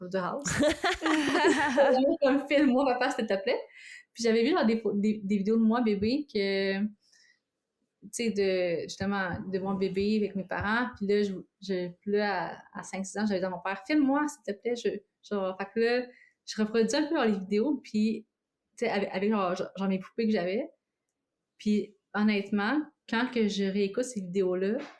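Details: Adult woman living with both stuttering and cluttering, both reported to worsen with strong emotions, stress or fatigue; cluttering with stuttering.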